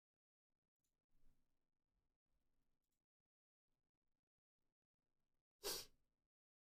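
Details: A sneeze.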